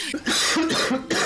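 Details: Cough from a person named in the caption; no other details stated.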